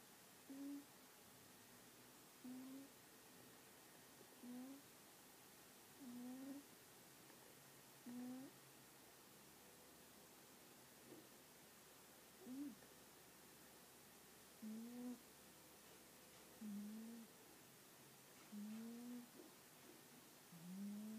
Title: Cat snoring